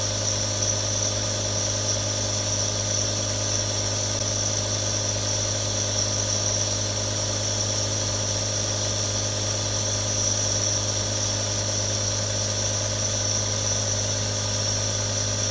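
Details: Real nebulizer recording for relaxation ASMR: a steady mechanical hum and hiss from a nebulizer compressor, continuous and unchanging throughout.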